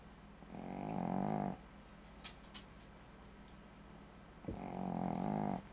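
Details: A sleeping Shih Tzu gives loud, rattling snores, two long breaths about four seconds apart.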